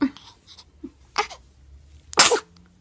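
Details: Baby sneezing: small breathy sounds, then one sharp, forceful infant sneeze with a burst of air.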